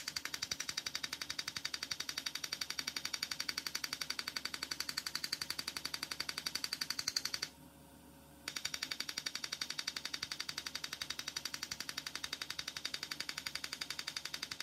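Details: Erbium YAG laser removing an epidermal nevus from a female patient's skin under anesthesia: rapid regular sharp snapping pulses, about 170 a minute, with one brief pause; Erbium YAG laser firing.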